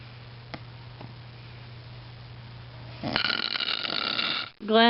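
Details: Sleeping adult, whose partner then asks them to roll over: a low steady hum, then a loud, raspy snoring noise that breaks off abruptly, snoring.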